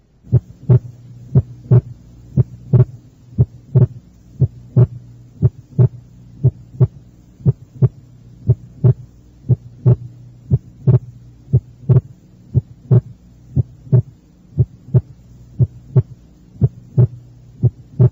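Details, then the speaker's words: Physiological splitting of S2 heard at the left second intercostal space: regular heart sounds near 60 per minute, with the second sound single at times and split during inspiration. "este ejemplo ilustra el desdoblamiento normal del segundo ruido cardíaco el ruido es único durante la inspiración y desdoblado en la inspiración"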